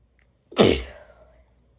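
One sudden, forceful burst of air that quickly fades: a single strong sneeze.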